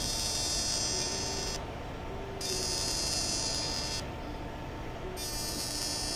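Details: Fractional CO2 laser (Total FX, 0.3 mm spot) firing in a live facial skin-resurfacing demonstration, including near the eyelash margin, on a patient who feels stinging hot spots: a steady electric buzz pulsing about four times a second, with brief pauses.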